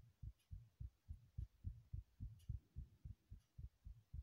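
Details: Remade heartbeat sound: dull low thumps in quick pairs, roughly 107 beats a minute, steady rhythm.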